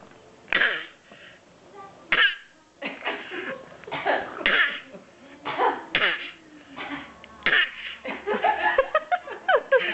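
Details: Infant girl learning to cough, making short repeated playful cough-like bursts mixed with giggly voicing, a deliberate imitated cough; she has coughed repeatedly since last Sunday.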